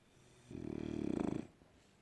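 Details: French bulldog sleeping and snoring; a single rattling, fluttering snore lasting about a second from a flat-faced dog. Snoring.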